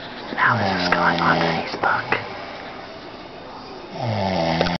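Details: Adult man asleep, who denies snoring: deep, buzzing snores with a steady low drone on two breaths, separated by a quieter, airy breath; snoring.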